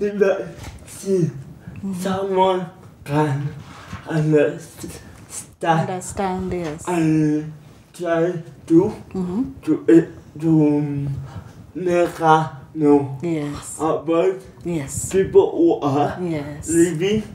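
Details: Young man with mild cerebral palsy attributed to prolonged labour over 20 hours (did not cry at birth), hands affected, schooled where he could learn speech; dysarthria (cerebral palsy).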